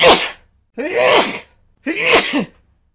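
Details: Three loud, voiced sneezes in quick succession, each a sharp explosive burst in a quiet room, deliberately provoked by pepper in the face and recorded as sound effects; sneeze.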